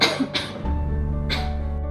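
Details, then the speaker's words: Acted scene of an adult with a cough lasting a month plus night sweats, fever and chest tightness, suspected TB: about three short, harsh coughs over background music; simulated chronic cough. "Kamu kenapa batuk terus nih Enggak berhenti-berhenti emang udah berapa hari udah sebulan ini batuk"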